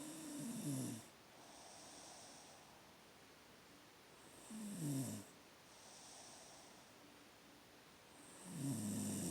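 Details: Sister snoring: slow snoring, about 14 breaths a minute, each inhalation ending in a short, snorting, throaty pig-like grunt.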